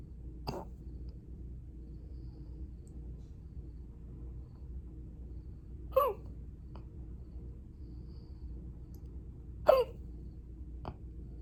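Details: Sunday hiccups that started from nowhere, brief but intense: sharp hiccups, about four in eleven seconds at uneven intervals, over quiet room noise.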